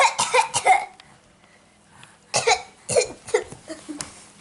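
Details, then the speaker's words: Young child giving two runs of short, light, forced coughs on request, a pretend cough rather than illness, while an adult asks if he is sick; voluntary (fake) cough. "oh goodness are you so sick I likeed no no no do it again do it again oh are you so sick oh are you so sick"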